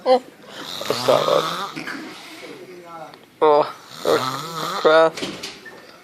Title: The best snore...........ever